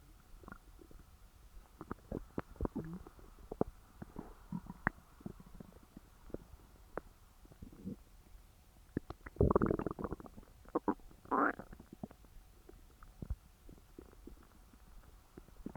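Soft gurgles and clicks with a louder rumbling growl midway; stomach growling after a large meal.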